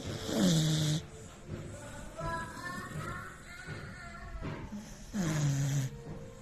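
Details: 10-month-old beagle puppy snoring while asleep: two rough, rattling breaths about five seconds apart, with faint background music between them.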